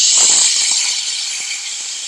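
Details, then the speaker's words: High-speed dental handpiece with surgical-length burr and heavy water spray opening access into a mannequin tooth for a root canal demo, steady high-pitched hiss and whine. "so we're going to start off with our high speed to gain our access into the tooth so I'll need my hpe okay so we're going to gain access into the tooth with a surgical length first this one keeps up a lot of water"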